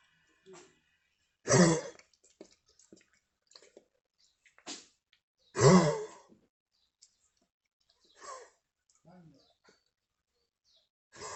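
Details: Dog coughing: two harsh, forceful cough bursts several seconds apart, with softer hacking and breathy sounds between them.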